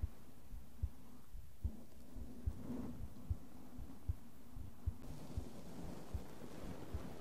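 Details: ASMR heart sound recording, with brushing and tapping played in the other ear: steady, regular low thumps at about 75 per minute with faint brushing noise behind; normal heartbeat.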